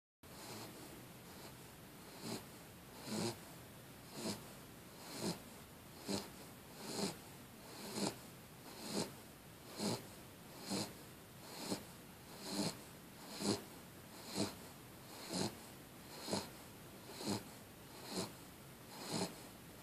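Regular soft snuffling snores, about 65 a minute, in a quiet room; ordinary snoring during sleep.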